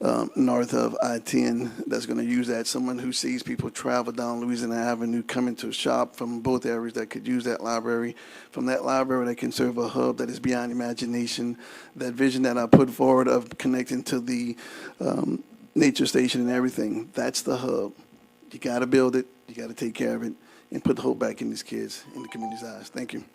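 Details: Adult man speaking; ordinary speech.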